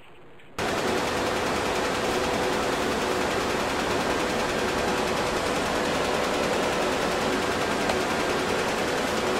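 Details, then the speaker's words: Laser tattoo removal on an adult male patient's first treatment session: rapid, steady crackling snaps, about three to four pulses per second, with a faint steady tone as ink is broken into tiny particles. "tattoo ink is removed by light bypassing the skin and being absorbed into the Ink Rapid absorption of the laser energy causes the ink to break into tiny particles"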